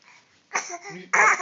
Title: Son fake coughing...lol